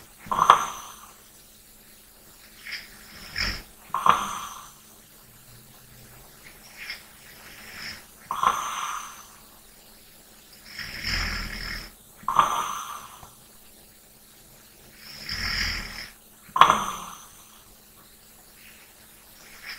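Soft, regular sleep breaths about every four seconds, some with a light snort or snore at the start.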